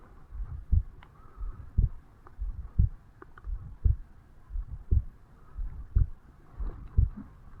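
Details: 35-year-old man's heartbeat recorded over the mitral (bicuspid) valve area on waking in the morning: steady low lub-dub beats at about 57 a minute with faint background hum; slow resting heart sounds.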